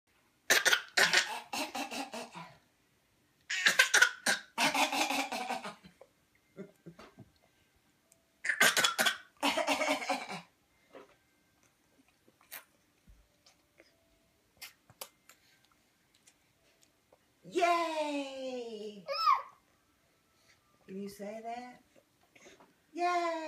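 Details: Child makes several deliberate bursts of dry, forced coughs, then a few short voiced sounds: a voluntary fake cough.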